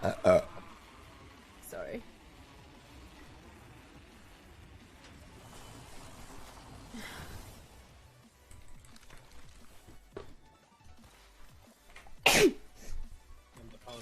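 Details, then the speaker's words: Girl with allergy: two abrupt, explosive bursts, one at the start and a sharper one near the end, with quiet room noise between: sneezing. "thee oh God oh God I just sneeze okay"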